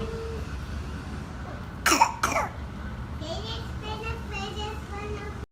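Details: A 9-month-old infant with croup, which lasted five days with a fever peaking at 102.1, gives two harsh, barking coughs followed by hoarse, raspy vocal sounds.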